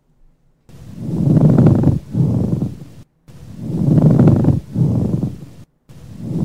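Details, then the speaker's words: Low, grating, leathery creaking with each breath, continuous and alike on inspiration and expiration, which may be heard only over one inflamed spot: a pleural friction rub, in a breath sounds teaching example. "like so can you hear that continuous and symmetrical sound it sounds about the same on inspiration and expiration that's much different than the other sounds we've been talking about"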